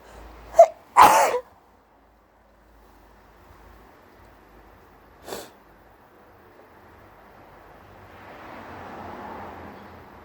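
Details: Hay fever sneezing after sitting outside in very high pollen levels, with a possible cold starting; two sharp, explosive sneezes close together, then a fainter third, in a quiet room.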